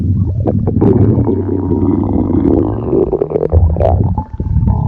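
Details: Loud, drawn-out groaning rumble with shifting pitch and gurgling, typical stomach growling.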